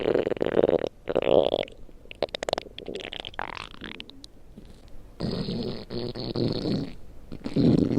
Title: my stomach growling